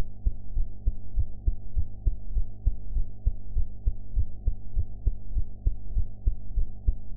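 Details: Heart sounds recorded after a meal: regular low thumping heartbeat at about 100 beats per minute under a steady hum, with audio enhanced.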